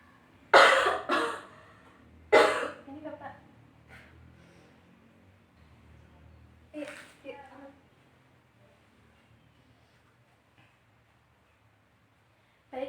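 A few strong, forceful coughs in a staged nursing demonstration of deliberate effective coughing to bring up phlegm.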